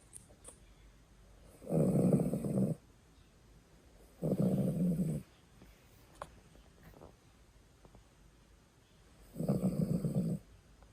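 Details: Adopted rescue poodle (female) snoring while asleep: three long, low rumbling snores, each about a second, spaced a few seconds apart, with faint room noise between.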